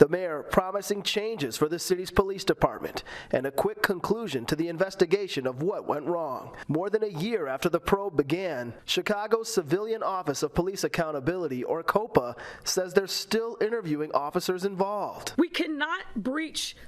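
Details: Adult narrator; Normal speech.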